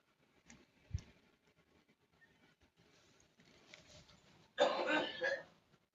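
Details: Child coughing and gagging in the morning: soft throaty sounds, then one loud harsh coughing burst with a retching quality near the end.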